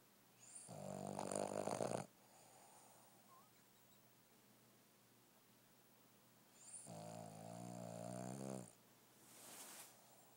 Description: Dog that snores. Really loud!